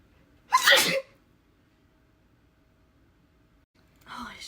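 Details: A single sharp sneeze in a quiet room, one of several in a sneezing spell, then a voice begins; sneeze.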